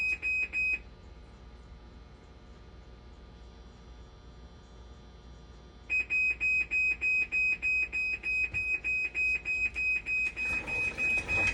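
Fast, steady, high-pitched electronic beeping that stops, then resumes; a dialysis machine alarm sounding.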